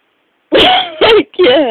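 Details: Three loud, harsh voiced bursts from a 2-year-old girl, sounding like throat clearing or a forced sneeze; throat clearing.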